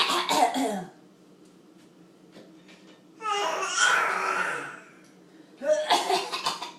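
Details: Child coughing in three episodes: a short run of rapid bursts, a longer harsh rasping cough, then another quick run of coughs.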